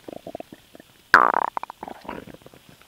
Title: STOMACH NOISE WHEN SWALOWING AIR